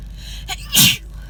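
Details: Adult with a cold moving to the chest: a short indrawn breath, then one loud, harsh, hissing sneeze, in a car over low road hum.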